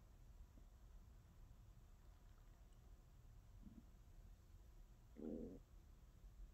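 Quiet low background with a faint short gurgle, then a louder bubbling growl lasting about half a second: ordinary stomach growling from a hungry stomach.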